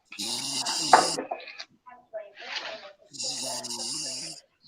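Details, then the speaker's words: Man asleep at bedtime: long, rough, rattling breaths drawn in during sleep, with a quieter breath between them: ordinary snoring. "Bedtime. You hear the man a snore, man. Yo, my God, you know that sleeping boy."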